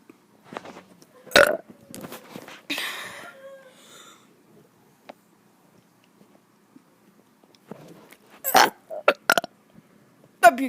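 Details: Child burping: several loud, throaty belches with short gaps between them; repeated burping.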